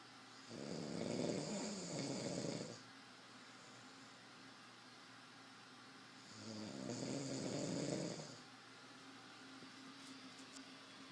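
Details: Ordinary snoring, presented as an auscultation guessing puzzle (cardiac, pulmonary or abdominal), jokingly a drunk sleeper: two slow, rattling inhaled snores with quiet pauses, over a faint steady hum.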